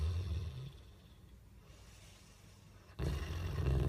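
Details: Deep, low rumbling snores separated by a quiet gap from a 4-year-old Bullmastiff dog in deep sleep.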